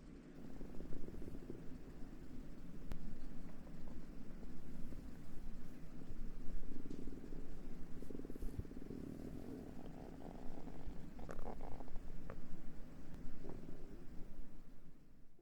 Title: おなかの空腹音#3/Stomach growls sounds#3/hungry